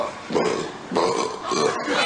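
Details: Male Big Brother housemates belching: three loud, low, rumbling voiced bursts in a row, consistent with repeated belches.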